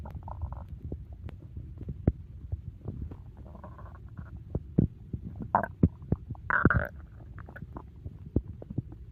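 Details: Low gurgling rumbles with scattered pops and squelches after eating too much; loud stomach growling (borborygmi) during digestion after a big meal.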